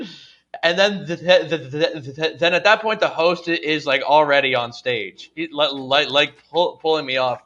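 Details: Adult male comedian who says he has a stutter: stuttering.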